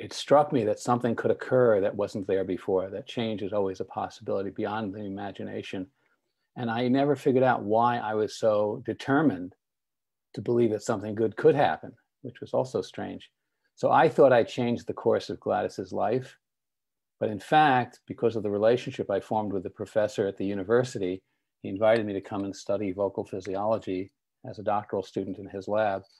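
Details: Adult man speaking; typical speech.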